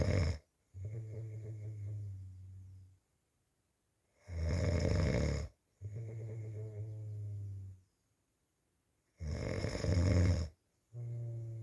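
Loud, regular snoring: a harsh rattle on each breath in, a softer rumble on each breath out, about 12 breaths a minute.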